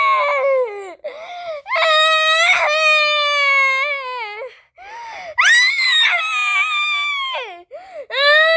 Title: Baby crying sound effects